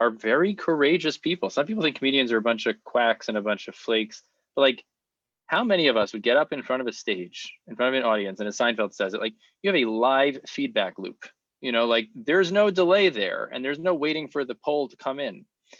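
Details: Adult male speaker; ordinary speech.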